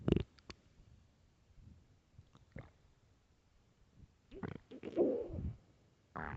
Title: LOUD starving stomach growls (headphones) part 2